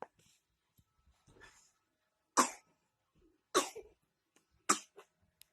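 A child coughs three times in separate bursts, each sharp at onset and fading quickly.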